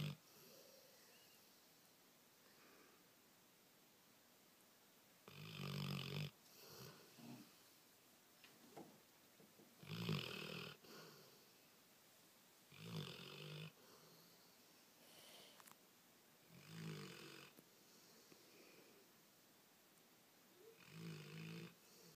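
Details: Snoring during sleep: rough, rattling snores every three to four seconds, about sixteen breaths a minute, with short snuffles between; ordinary snoring.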